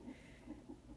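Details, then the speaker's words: Pregnant woman during a non-stress test, with 17 lb weight gain in one week and protein in her urine: faint, quick rhythmic whooshing fetal heartbeat heard on the Doppler monitor she is hooked up to. "if you listen, you can hear the baby's heartbeat on the monitor that they have me hooked up to."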